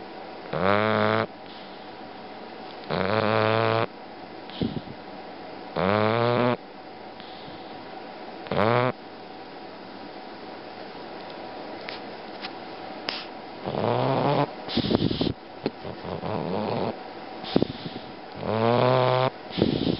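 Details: Sleeping bulldog: loud, buzzing, tonal snores repeating irregularly against a steady background hum; snoring.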